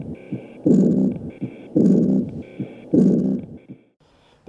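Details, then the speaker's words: Loud heart murmur from a leaking or narrowed valve, likened to a squeezed garden hose and radiating further through the chest: a slow heartbeat of about 54 a minute with a loud, harsh whooshing swamping each beat. "as the valve starts to leak more you'll hear a louder sound as if you're squeezing a garden hose and as the valve leaks or gets more narrow it makes a louder sound that that radiates further throughout the chest"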